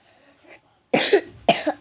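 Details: A child coughing: two short, sharp coughs after a brief quiet stretch.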